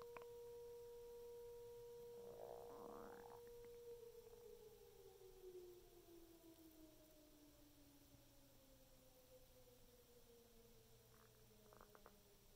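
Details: Human stomach rumbling after eating six very thin assortment-platter cookies: a long, whining, tone-like gurgle sliding slowly lower in pitch; bowel sounds (borborygmi).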